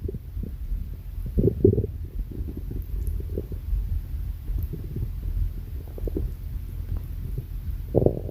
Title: stomach growling 5